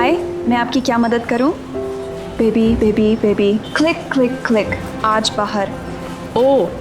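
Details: Acted, Hindi-dubbed dramatized scene: a female character with Tourette syndrome produces involuntary repeated words after greeting a customer; vocal tics (Tourette syndrome).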